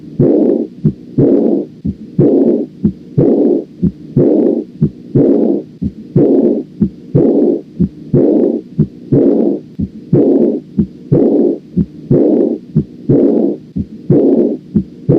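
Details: Aortic regurgitation: regular heartbeat near 61 a minute with a soft blowing diastolic murmur filling the pause after each beat.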